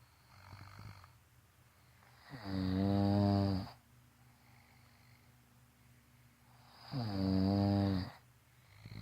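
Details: Sleeping person snoring: loud, deep, rattling snores on each in-breath, about 14 a minute, with quiet pauses between.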